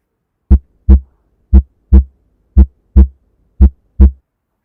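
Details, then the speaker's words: Simulated normal heart sounds for a self stethoscope exam with the diaphragm: regular paired lub-dub beats at about 58 per minute, no extra sounds. "before you hold your breath don't take a deep breath as that inflates the lungs and increases the distance between the stethoscope and the heart"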